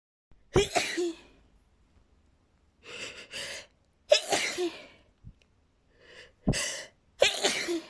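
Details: Bout of four sharp, explosive sneezes in quick succession from a female ("girly sneezes"), some preceded by a short breathy in-breath, in a quiet room; repeated sneezing.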